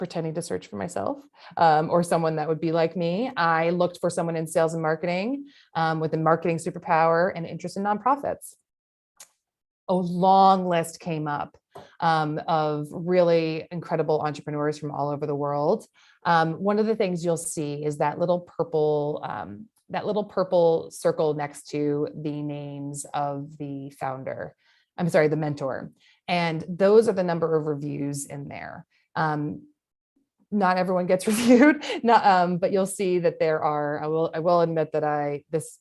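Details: Adult woman speaking; no disorder.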